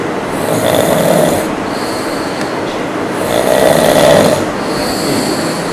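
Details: Two men snoring: loud, rough, rattling snores on the in-breath, about 20 breaths a minute, over steady background noise; snoring.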